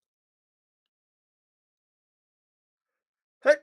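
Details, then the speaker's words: An adult talking on a podcast warns that a sneeze is coming; after a long silence, one brief, sharp, muffled sneeze bursts out, followed by "pardon me." "Oh minute I'm going to sneeze."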